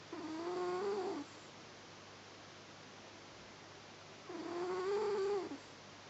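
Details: Newly adopted cat snoring while asleep: two drawn-out, squeaky, whistling snores about four seconds apart, with quiet between them.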